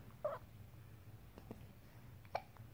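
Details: Young infant boy with hiccups while trying to talk: two brief, sharp hiccup sounds about two seconds apart in a quiet room.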